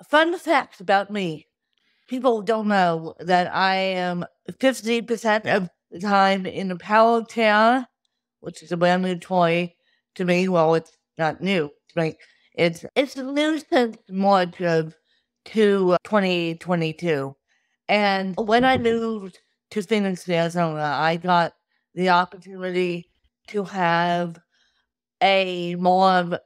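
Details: Adult woman with cerebral palsy since birth from lack of oxygen at birth; difficulty speaking, sitting up and eating, and easy fatigue; dysarthria in cerebral palsy.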